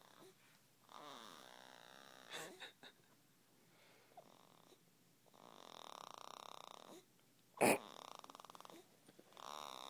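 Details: Young girl snoring: soft repeated rasping snores on breathing in, with a brief louder snort, in a quiet room.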